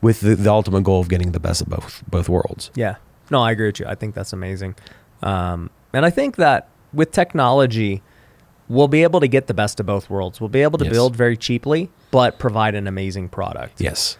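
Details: Adult men in conversation; normal conversational speech.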